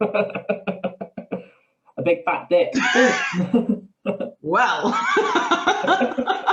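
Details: Involuntary vocal tic with coprolalia in a man with Tourette syndrome who also has a stammer that worsens under stress.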